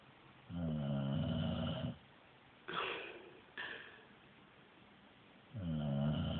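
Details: Female dog snoring in her sleep, described as sounding like a human: two long, low, rumbling snores on the in-breath, each followed by a quieter breathy exhale; ordinary snoring.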